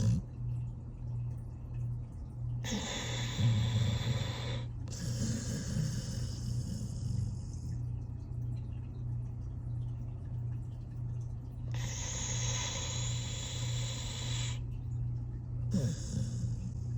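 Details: Long, rasping snores on each breath, about four over seventeen seconds, over a steady low hum, from a 13-year-old rescue pit bull asleep; ordinary sleep snoring.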